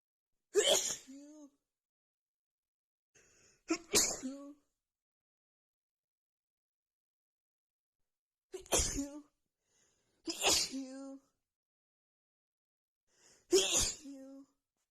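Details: Nonstop rapid sneezing fit after feeling sneezy all day, with the nose tickling: five sharp sneezes in about fifteen seconds, each preceded by a quick inhale. Sneezing continued for a long while afterward.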